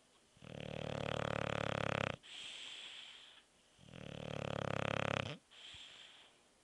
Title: Bulldog Beef snoring